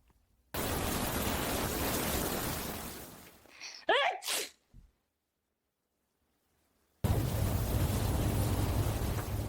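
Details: AI-generated (Sora2) sneeze compilation, simulated: a single sneeze with a quick breath in and a sharp burst, between stretches of loud rushing background noise; sneezing.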